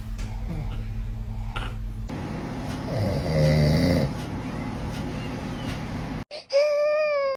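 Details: Adult father snoring: a loud, rough, low snore, followed at the end by the cry of a baby who is scared by the sound.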